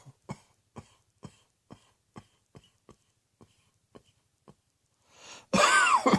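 A rapid run of about ten short, dry coughs from an adult, acted rather than from illness.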